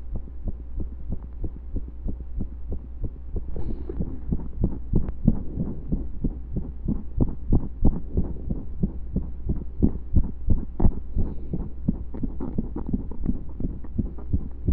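Fast heartbeat with an uneven rhythm and occasional pauses where a beat seems to drop out, consistent with skipped beats, over a steady low hum.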